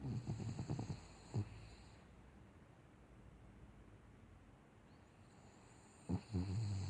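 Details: Rattling, fluttering snorts with each breath, separated by quiet pauses, from a small sleeping Cavalier dog: snoring.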